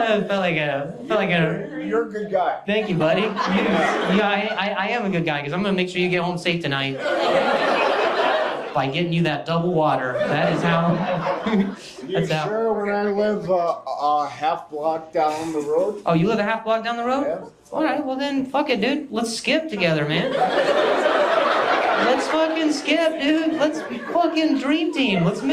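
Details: Adult male stand-up comedian with stuttering, speaking on stage during crowd work; he says he stutters more when hearing noises and that it depends on his anxiety level.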